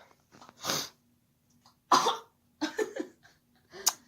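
Four short, harsh bursts with quiet gaps between them, the last one sharper; coughing.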